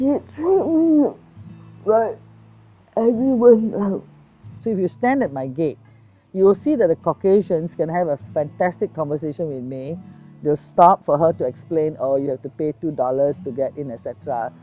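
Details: Adult woman speaking; normal speech.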